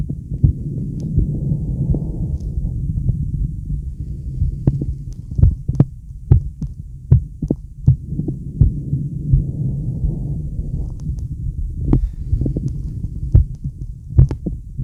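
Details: Regular low thumping heartbeat of a male, roughly 70 to 80 a minute, with a soft rushing sound of deep breaths rising and falling underneath; normal heartbeat.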